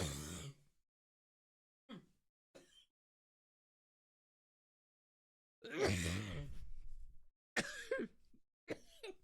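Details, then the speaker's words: Coughing fit after a long hit of a THCA liquid-diamond vape cart: a harsh cough, faint catches after a pause, then a run of strained, rough coughs. "I'm gonna hit a blinky and hopefully I don't cough my lungs out like I did on Discord last night."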